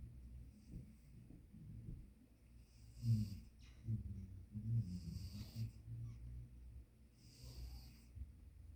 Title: Tama snoring😅